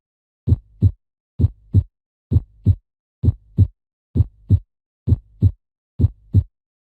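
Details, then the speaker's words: Normal heart sounds on auscultation: lub-dub first and second heart sounds (S1, S2). "this s1 and s2 can be heard during auscultation of the heart sounds as a lob dub sound so let's have a listen to that now"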